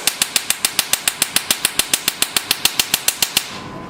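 Rapid, regular sharp snapping clicks, about 140 per minute, for over three seconds: a Q-switched laser handpiece firing in repeat mode.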